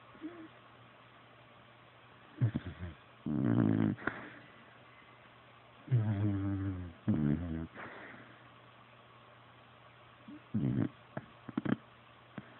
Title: Sophie the Beagle snoring